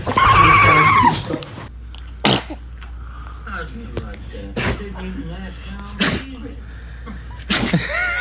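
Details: Dog sneezing: about four repeated short, sharp sneezes and snorts, with laughter and people talking to the dog in the room.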